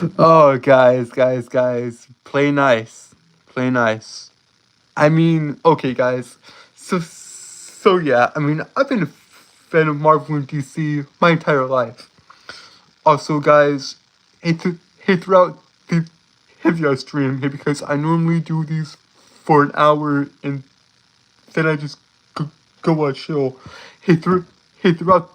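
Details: Adult male live-streamer with a self-reported speech impediment who says he stutters a lot: stuttering.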